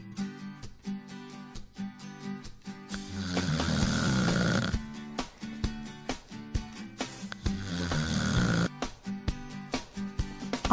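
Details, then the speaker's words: Two long, rough, rattling snores between stretches of background music; loud snoring in an anti-snoring promotional clip. "keeping your family up all night there is no need to suffer with snoring anymore"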